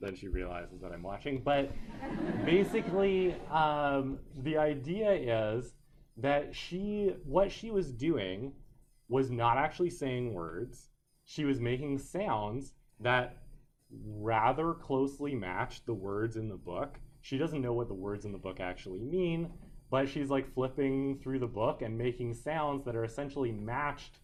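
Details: Adult male speaker; normal speech.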